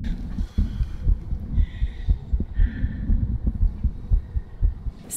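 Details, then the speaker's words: Woman with lipoedema and a diastolic heart murmur, auscultated after exercise: fast, heavy beats with more turbulent whooshing murmur louder than heart sounds. Heart murmur after exercise. "s really interesting because as we know the heart is contracting it's really working hard so every time it contracture is harder and harder you can hear more of that turbulent blood flow so as you could hear it was a lot more turbulent you can hear that moment more so than your heart sound which is very interesting so"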